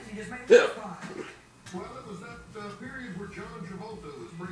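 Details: Grandmother hiccuping loudly at the dinner table while her 7-month-old granddaughter tries to mimic her: one loud, abrupt vocal hiccup over household talk and background television; a harmless hiccup.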